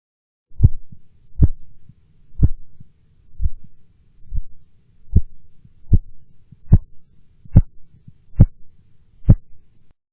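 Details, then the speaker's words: Blood pressure measurement with Korotkoff sounds, about 72 a minute: systolic heard at 162 mmHg, then sounds absent for 4 mmHg and returning louder, an auscultatory gap. "In the following example, the systolic blood pressure will be heard at 162 millimeters of mercury, followed by an absence of sounds for 4 millimeters of mercury, after which they will reappear."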